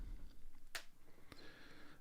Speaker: Oh, did you hear that? That was my ankle popping.